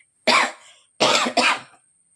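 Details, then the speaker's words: Adult speaker who says they are breathless, think they have a stomach flu, and always cough after talking a lot gives three short, harsh coughs, one burst then a quick pair, in a quiet room. "ദേ ശ്വാസം മുടകുണ്ട് എനിക്കിപ്പോ [ചുമയ്ക്കുന്നു] കുറച്ചു കൂടുതൽ സംസാരിച്ചാൽ എനിക്ക് എപ്പോഴും ചുമ വരും"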